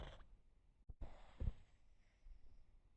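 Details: Pug falls asleep comfortable and relaxed, making a few soft, low snorting breaths in a quiet room; gentle snoring.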